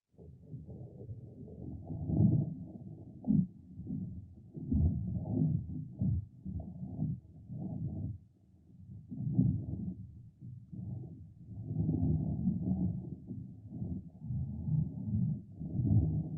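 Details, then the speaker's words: Simulated bowel sounds from a black Labrador canine vet training model, heard over the abdomen: irregular low gurgles and rumbles representing normal bowel sounds. "so let's hear what the bowel sounds sound like"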